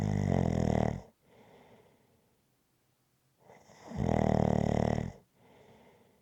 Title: Rhythmic Snoring Sounds ZZzzz